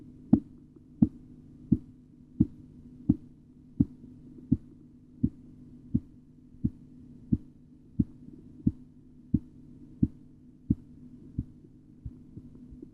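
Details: Korotkoff sounds during an auscultatory blood pressure measurement: regular sharp tapping beats, about 87 a minute, heard through a stethoscope.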